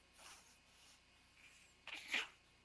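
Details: Baby girl sneezes so hard she goes cross-eyed: after a quiet stretch, one sudden sharp burst of air, a single sneeze.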